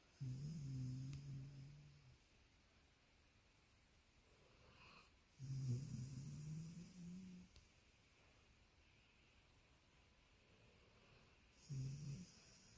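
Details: Snoring from a sleeping Labradoodle dog in a relaxed pose, with sleep-talking: slow, deep, rumbling snores, about three over thirteen seconds, with quiet breathing between.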